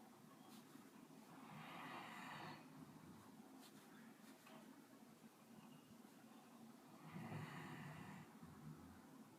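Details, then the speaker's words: Dog snoring: two slow, noisy, rough snorting breaths over steady room noise, jokingly likened to the owner's father's peculiar snore. "Como puede notar, reproduce exactamente el ronquido peculiar de mi papá."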